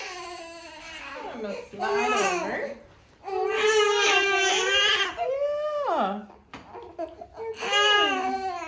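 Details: Baby girl with hip imbalance and postural strain during a gentle pediatric chiropractic session: repeated clear, high-pitched wails with rising and falling pitch and breath pauses, in a small room.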